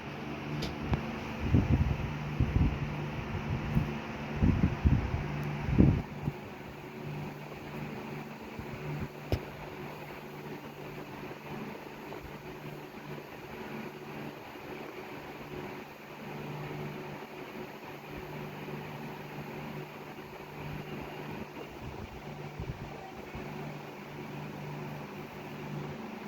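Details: Handheld vibrating oral sensory stimulator used during oral placement therapy for speech difficulty: steady low motor hum with brief handling noises at the start.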